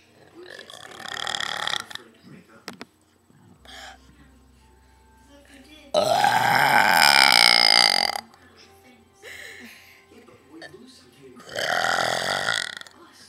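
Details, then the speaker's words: Several loud, long deliberate burps on cue with some talk and music in the background, from friends taking turns burping; burping. "I'm better than her wait it's stuck oh my God that smells so bad it's stuck"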